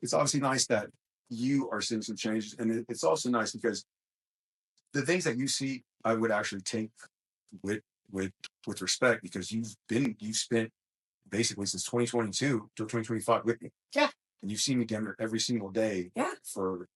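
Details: Adult male who describes his own small speech impediment, a stutter, which he links to his mind always moving fast since childhood. Stuttering.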